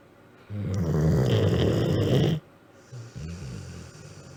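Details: Dog snoring: one long, loud, rumbling snore lasting about two seconds, then softer snorting breaths.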